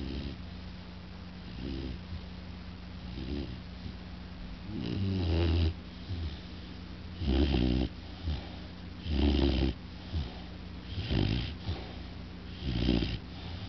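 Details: Very loud snoring: loud, rough, low rumbling snores recurring every couple of seconds, about 30 a minute, with quieter breathing between them.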